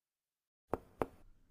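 Two finger-percussion taps with a hollow, drum-like ring, then a voice begins: a tympanic percussion note over Traube's space.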